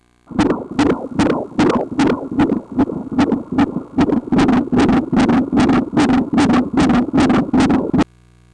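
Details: Fast, regular whooshing pulses, about 150 a minute, from a fetal heartbeat on Doppler ultrasound at 18 weeks of pregnancy.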